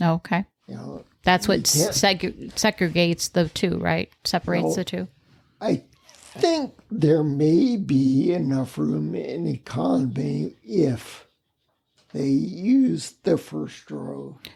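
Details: Ataxic dysarthria in a man with spinocerebellar ataxia, a rare neuromuscular disease causing mobility challenges and a speech impediment, lived with for over 20 years.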